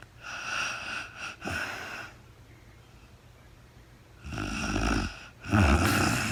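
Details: Real-time overnight recording of a very tired sleeping woman: two rough, rattling snores on the breath with a quiet pause between them; snoring during sleep.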